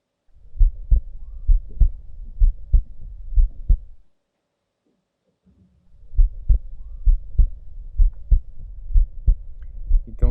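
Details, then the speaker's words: Simulated cardiac auscultation on a virtual patient teaching platform during a physical exam: steady beats near 65 a minute with a soft low sound between beats, a diastolic murmur. "Y aquí un soplo diastólico."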